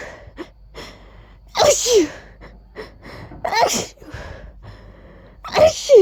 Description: I really tried to actually say "Achoo!" while sneezing.